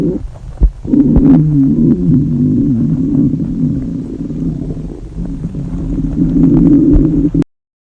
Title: girls hungry stomach growl English